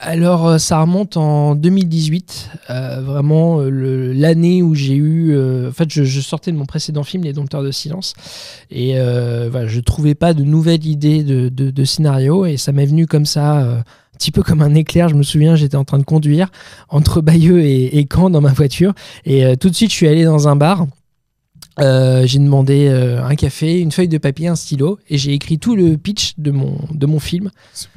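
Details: 31-year-old man with stuttering that he says is now mild after working on it a lot; stuttering (mild).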